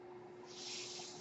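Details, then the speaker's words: Home mechanical ventilator heard while its user speaks: steady mechanical hum under a rising airy hiss as it delivers a breath. "That noise you hear is my ventilator,"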